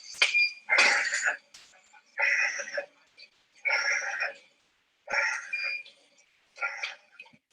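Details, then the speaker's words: Dog with laryngeal paralysis causing a fixed upper airway obstruction: rapid, harsh, high-pitched, continuous stridor during respiratory distress. "So the first noise is stridor, which is a high-pitched, continuous noise. So it's a fixed obstruction. Hopefully you can hear the stridor in this dog as a high-pitched noise."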